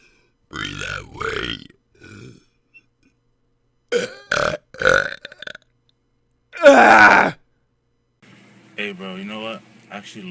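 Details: Compilation of men burping: several loud, drawn-out belches from different people mixed with short bursts of talk; ordinary burping.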